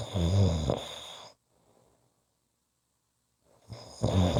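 Two loud, low, rattling snores separated by a silent pause of about two seconds; ordinary adult snoring.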